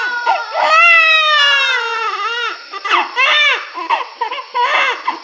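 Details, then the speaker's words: Loud, clear, vigorous cry from a newborn under observation in the NICU, with strong sustained wails, no grunting and a normal breathing rate, contrasted with distressed babies; normal newborn cry. "इसकी करई चक करिए इसकी किराई बिल्कुल normal और normal किराई कोई Grand के element नहीं है"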